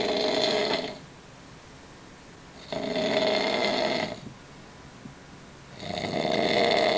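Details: Person asleep: loud, rough, rattling snores on three breaths in, about 19 breaths a minute, with quiet breaths out between them; ordinary snoring.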